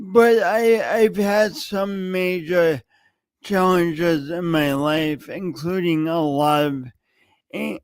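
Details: Speech impediment in an adult man who has lived with it for many years and says everyone hears it whenever he speaks.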